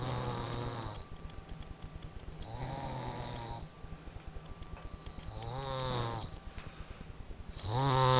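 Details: Heavy snoring: loud, rattling inhaled snores about every 2.5 seconds with quieter breathing between.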